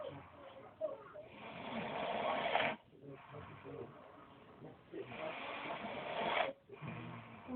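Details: Older brother, who denies snoring, asleep: loud, rough, rasping snores on each breath in, about 16 a minute, with quieter breaths out between; ordinary heavy snoring.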